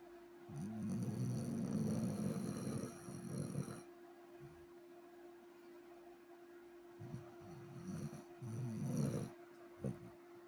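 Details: Sleeping dog: low, rumbling snores on drawn-in breaths with quiet pauses between, over a steady background hum: snoring.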